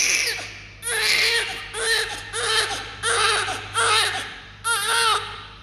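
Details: Small newborn, not actively crying, receiving oxygen and treatment for 3 days: short, thin cries in repeated bursts over a steady background hum; weak newborn cry.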